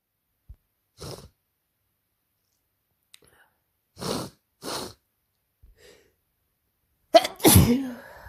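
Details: Person with a cold and sore throat after working a week at summer camp, sneezing: several short, sharp sneezes ending in one forceful, loud sneeze; about four sneezes.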